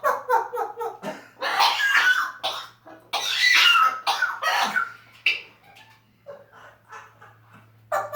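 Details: African Grey (Congo) parrot with severe pneumonia: quick run of short chirps, then several harsh, raspy, explosive cough-like bursts over a low steady hum.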